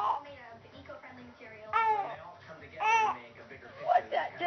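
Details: An infant crying: short, wailing cry bursts between softer babbling sounds in a small room.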